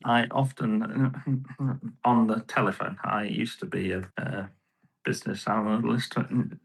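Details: Adult male with post-stroke aphasia and right-sided weakness, about 15.5 years after the stroke; he initially could not talk and has improved each year.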